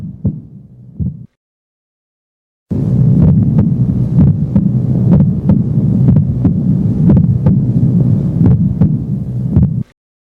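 Regular low heart thumps over a steady hum; the first heart sound is split, a common normal finding.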